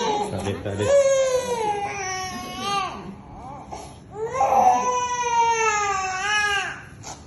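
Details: Infant with first fever, cough and cold crying in two long, strained wails during nasal suctioning of mucus taught by a nurse, in a small room.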